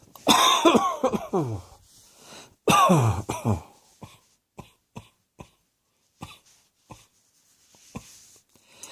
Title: Cross Dressing Coughing 86